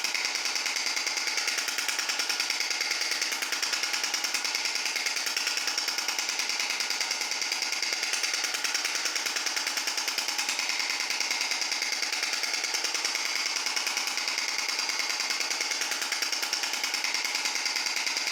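Steady, rapid mechanical tapping of a shock wave therapy device, about 146 pulses a minute, unchanging throughout.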